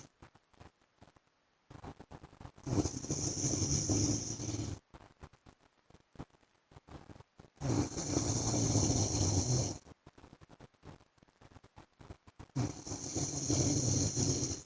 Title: PART 1 FOR SLEEPING WITH MY HUSBAND'S SNORING SOUND